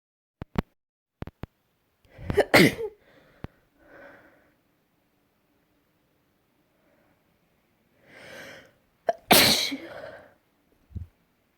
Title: Last week sneezes